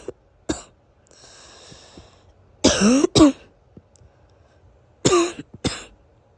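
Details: Adult's somewhat wheezy morning cough after days of sniffling and coughing following a weather change: two pairs of harsh coughs with a faint whistling edge after a drawn breath.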